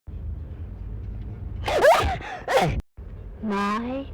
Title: POV you have a cold and sneezes part two